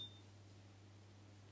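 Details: One brief high electronic beep, then a low steady hum, from a Meditech ABPM-05 ambulatory blood pressure monitor during manual programming of a preset day/night measuring schedule (day/night and start buttons held).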